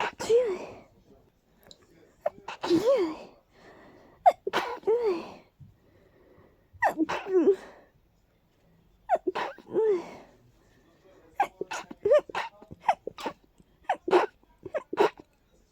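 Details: Allergies flaring after being stuffy all day: a powerful, stuffy sneezing fit of repeated, partly stifled sneezes with gasping in-breaths between them.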